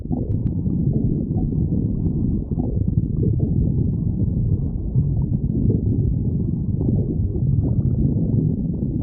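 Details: Stomach growling (borborygmi).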